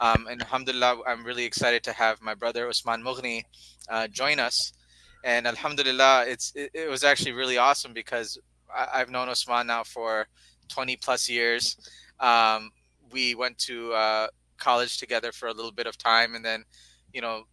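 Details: Adult male speaker; normal voice.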